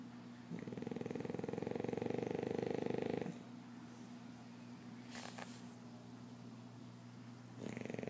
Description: Beast snoring away. This girl cracks me up!